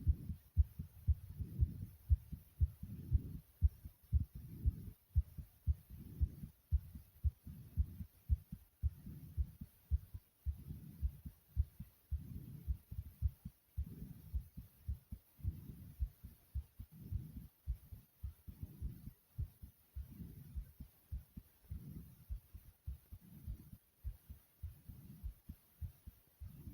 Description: My heart was racing and my breathing was heavy as well after jumping jacks.